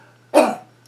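A single short, harsh cough burst from an adult, produced on purpose as a demonstration, in a quiet small room.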